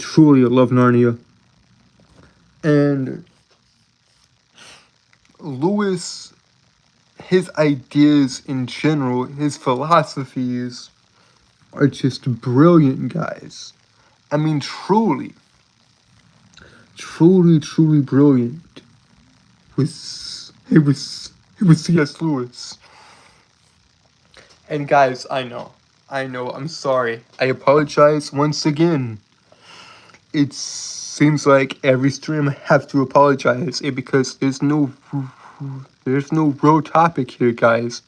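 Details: Adult male streamer with a self-reported speech impediment causing stuttering and tripping over words, with frequent phrase repetitions; stuttering.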